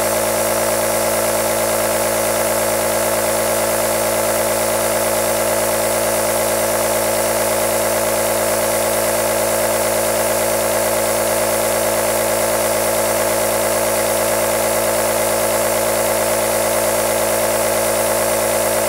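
Steady loud mechanical hum with fast regular rattle from a running aerosol nebulizer compressor.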